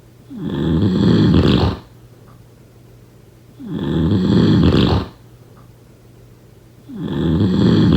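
Loud, rattling snores on each breath, about 19 breaths a minute, with quiet pauses between.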